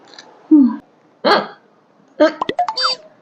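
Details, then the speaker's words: Three short, sudden voiced gulping bursts about a second apart, each fading quickly; a person has hiccups and asks for water; hiccups. "Hiccups, water. Thank you అండి."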